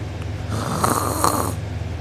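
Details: Loud, harsh rattling open-mouth snore on inhalation from a sleeping person who was drooling and woke with sore uvula and soft palate, low room hum behind; snoring.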